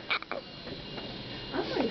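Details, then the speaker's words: Newborn girl on day 1 of life with hiccups: short, abrupt croaking catches, the quick jerky sounds of infant hiccups. "has the hiccups"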